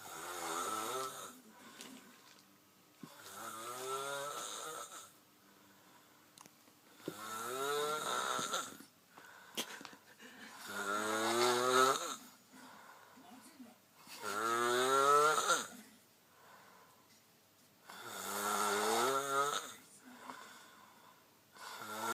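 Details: Asian person sleeping with mouth open gives loud, rattling snores about every four seconds, roughly 16 a minute; snoring.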